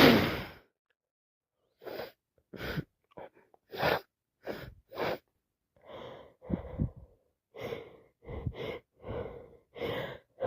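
A rapid run of short, forceful sneezes and gasping catch-breaths, about a dozen in ten seconds; repeated sneezing from allergic rhinitis.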